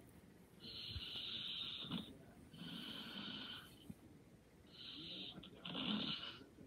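Soft, whistling, hissy breaths in slow cycles during sleep, a light snore.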